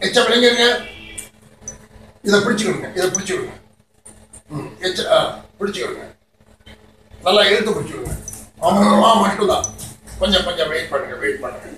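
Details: Adult speaker, therapist; clinician modelling speech.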